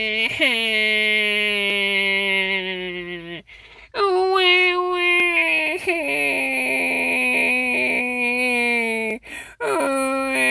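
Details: Infant crying, said to have lost its pacifier: loud, high-pitched wailing in long sustained cries with brief breaths between, in a small room.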